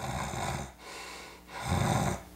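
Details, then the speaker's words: Adult imitating snoring while wearing an anti-snoring device, letting the tongue fall back: two rattling tongue-based snore breaths, showing the device fails to prevent snoring; simulated, not during sleep. "Can I make myself snore with this in place? This is an anti-snoring device. Can I snore with it?"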